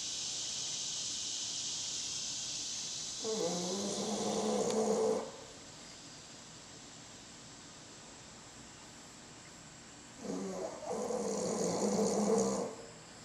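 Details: Bulldog snoring after a workout: two rattling, buzzing snores about seven seconds apart over a steady insect-like background hiss; snoring.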